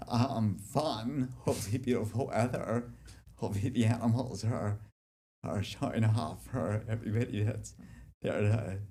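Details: Speech impairment due to generalized childhood-onset DYT1 dystonia since about age 7 in an adult man, affecting walking, speech and hands; formerly treated with vocal-cord Botox injections, on deep brain stimulation since 2005, with residual symptoms.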